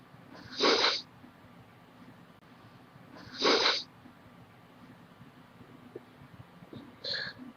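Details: Repeated sneezing in a person who feels sick with headache and sore nose and thinks it is allergies: three sharp, hissing sneeze bursts, two loud and one softer, in a quiet room.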